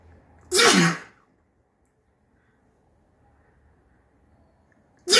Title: Snotty sneezes